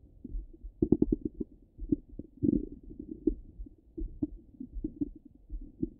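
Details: Stomach rumbling from a half-hour recording, heard through a stethoscope: soft low gurgles and bubbling pops at irregular intervals, bowel sounds.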